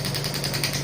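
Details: Pneumatic extracorporeal shockwave therapy (ESWT) device (0.5–12 bar) firing shots, like a small jackhammer: intensity and frequency set at 4.5, power raised toward six, then frequency lowered, with a shot counter running.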